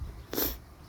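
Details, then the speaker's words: Miniature horse in New Zealand: a single short, forceful cough with faint room noise around it. "that was a big cough oh another one there's winter there's my boy what are you coughing for"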